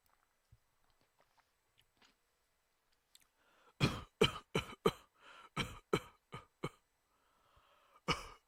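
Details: A run of about ten short, harsh coughs in quick succession after faint clicks and breaths, quiet room; cough.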